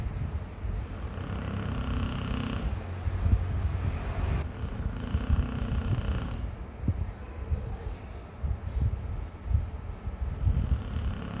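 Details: Pit bull dog snoring while asleep: loud, low, steady, continuous rumbling snoring.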